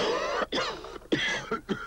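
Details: Several short, dry, hacking coughs with no rattle of mucus; an acted dry cough in a 1994 French television advertisement for a dry-cough syrup.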